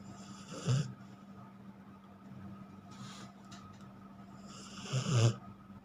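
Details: Rottweiler dog snoring during a head massage: two low, rattling snores on inhalation about four seconds apart, with quiet breathing between over a steady room hum.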